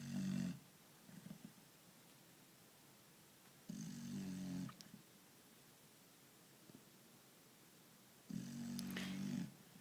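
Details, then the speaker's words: Small female puppy snoring while asleep: loud buzzing snores about every four seconds, roughly 14 a minute, with quiet pauses; waking attempts and moving her don't stop it, raising her head helps briefly. "hey reading you're snoring kind of loud could you stop no okay"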